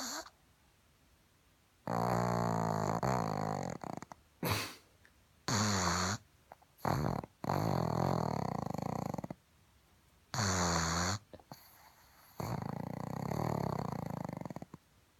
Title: CUTEST PUG EVER SNORING